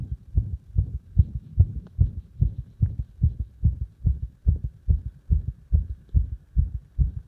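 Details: Irregular heart sounds caused by compression: heart sounds in fairly regular pairs at about 70/min with slight unevenness between beats; arrhythmia.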